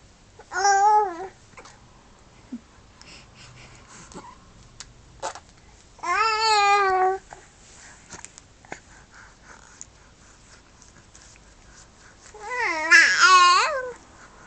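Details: Infant hiccups in the early morning: short, sharp hiccup clicks scattered between three brief fussy cries in a quiet room.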